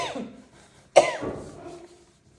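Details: Patient in a case-taking interview: cough began after throat pain, became phlegmy, then dry; described as forceful and hard to stop, making the eyes water and causing involuntary urination. A single sharp, forceful cough after a quiet stretch, with faint speech before it; chronic cough.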